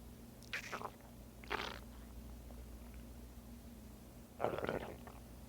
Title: Butters stomach growling